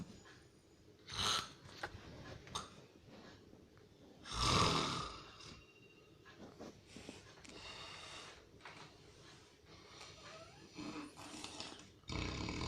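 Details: Heavy snoring: loud rattling breaths at irregular intervals in a quiet room, with a snorting burst.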